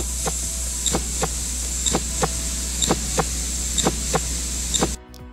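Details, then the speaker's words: Steady lub-dub heart sounds at about 62 beats a minute, heard when measuring the apical pulse; each lub-dub counted as one beat over a full minute: normal heart sounds (S1 and S2). "clearly the lub dub sound of the heart beating you will want to begin to count the beats for a full minute 1 lub dub sound counts as one beat per minute"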